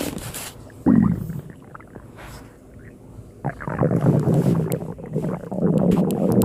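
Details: Person who was very hungry: low gurgling stomach rumbles rising and falling, some room noise; hunger stomach growling, a normal bowel sound.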